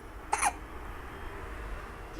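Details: A single short, sharp catching sound over Spanish football commentary: one hiccup.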